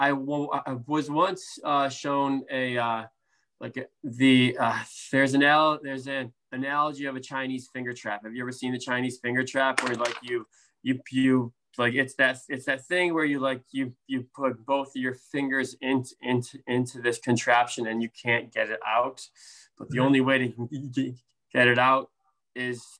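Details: Stuttering in an adult man, a speech therapist who stutters, with blocks, prolongations, sound repetitions and interjections; severity varies from day to day.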